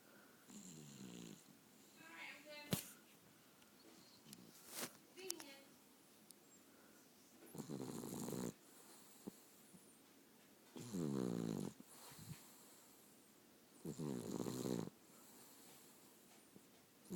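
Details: A sleeping cat gives loud, rattling snores on its breaths, separated by quiet pauses; snoring.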